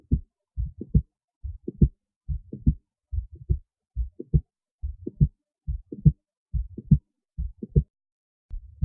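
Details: Steady, regular lub-dub heartbeat heard through a stethoscope, with clean, normal-sounding heart sounds.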